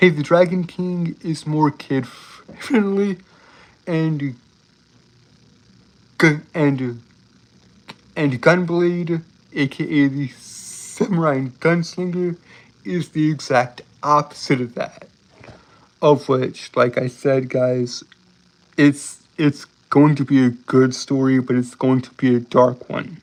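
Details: Adult male with self-reported speech impediment that makes him stutter and trip over his words, stuttering throughout; stuttering.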